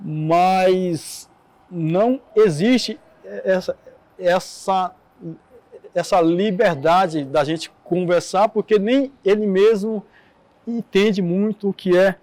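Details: Adult man who stutters, interviewed in a documentary on stuttering; audible repetitions; stuttering.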